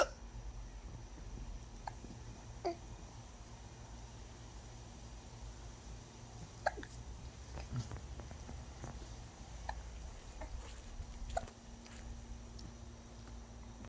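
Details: A person with friends has hiccups: soft, brief, sharp catches at irregular intervals, about eight in 14 seconds, over a low steady room hum.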